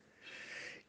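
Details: Child with pediatric sleep apnea: a single harsh, hissing, snort-like breath, the noisy obstructed breathing of snoring during sleep.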